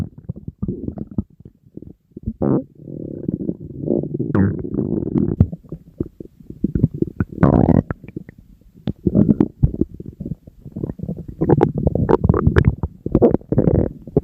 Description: I was so hungry that day that there really wasn't a single moment when my naughty stomach stopped rumbling.